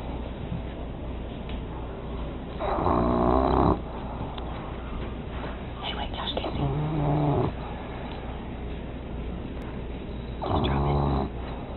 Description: Bulldog snoring smells treat put in front of his face, wakes up and eats it, then goes back to sleep